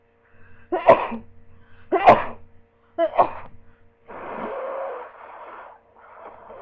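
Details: Person lying in bed with a cold: three rapid sneezes in quick succession, each a sharp burst, followed by breathy exhalations and sniffing.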